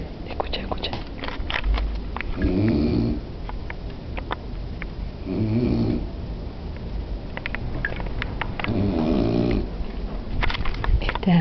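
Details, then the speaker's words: Grandmother snoring at 8:45 in the evening: loud, low, rattling snores about every three seconds, roughly 20 a minute, over crackling handling noise. "como ronca la abuela es una hija de putana terrible para vos má Bueno un besito"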